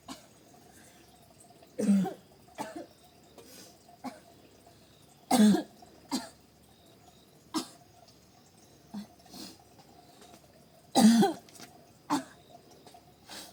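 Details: Repeated dry coughs from a woman, about ten in thirteen seconds, some as double bursts, over a steady room hum, while the man takes the 3-year-old child to school: a persistent cough.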